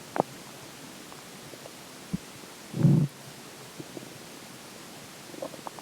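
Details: Stomach growling: short low gurgling rumble with a few faint clicks and squeaks; borborygmi.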